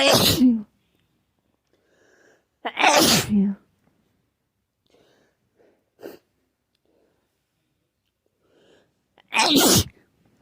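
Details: Three loud, sharp sneezes a few seconds apart, with quiet breaths in between, described as constant sneezing from a cold; sneezing.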